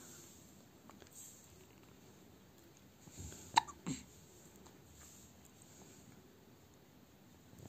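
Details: Hiccups in a one-week-old baby: two sharp, brief hiccup sounds close together in a quiet room.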